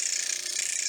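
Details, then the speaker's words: Derminator 2 microneedling pen held flush against the forehead skin and moved in circular motions to treat acne scarring: a high, steady buzzing rattle from the fast-running pen. "So you want to make sure that it is flush with your skin, and you go in"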